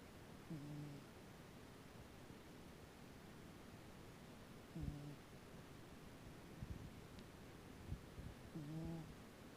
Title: Cat snoring